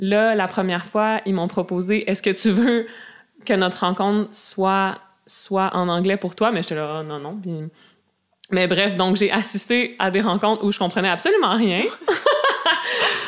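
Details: Adult woman who self-identifies as a person who stutters; stuttering.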